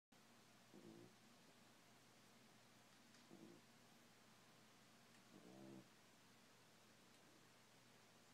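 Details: French Bulldog snoring during a little nap: three soft, low rattling snores over a steady background hiss.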